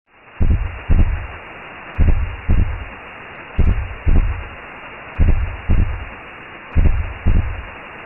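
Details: Re-created womb sound made as a sleep aid for babies who won't settle: low rumbling whoosh with paired maternal heartbeat thumps at about 38 a minute.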